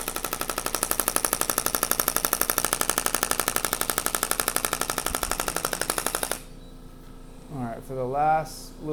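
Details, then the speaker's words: Shockwave therapy device applied to lower back of male chiropractic patient with low back soreness: rapid regular clacking pulses about 240 per minute, then stopping, brief voice; patient feels shocks. "So I'll pull this thing out when I feel people have, I get patients that have really bad arthritis in their low back. It just kind of breaks everything up, moves the blood around, creates more circulation."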